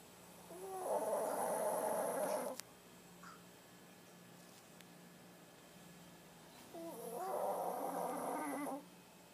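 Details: Two long, rattling, fluttering breaths about six seconds apart, with quiet pauses between, from a sleeping Shih Tzu: snoring.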